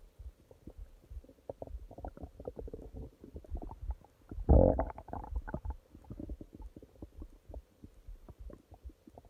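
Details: Stomach growling at night: bowel sounds (borborygmi).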